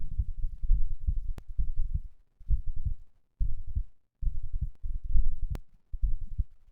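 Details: Heart sounds recorded after exercise (third such recording): loud low thudding heartbeats, about 67 a minute, with muffled rumbling between beats; normal heart sounds after exercise.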